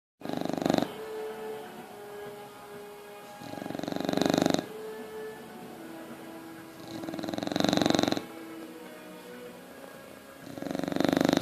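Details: Bulldog snoring: loud, rough snores recurring about every 3.5 seconds (about 17 a minute) with a steady background hum between them.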